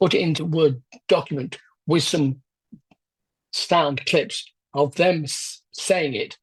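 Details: Adult man with aphasia after a left-hemisphere stroke 10 years ago, with word-finding problems and difficulty getting the mouth and tongue to produce speech; aphasia.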